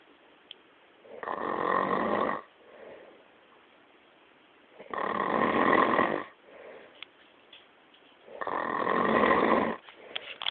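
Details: Bj loudly snoring, with rough snores about every 3.5 seconds (roughly 17 a minute) and quieter breathing between.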